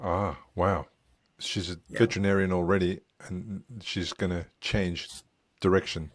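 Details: Adult speaker; unaffected speech.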